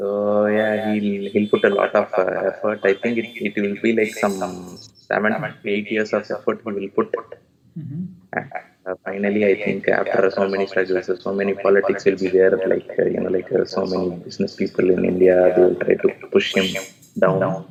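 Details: Adult male with puberphonia (previously high-pitched, female-like voice with occasional dual voice), recorded after voice therapy, now reports a stable voice; finding: puberphonia after voice therapy.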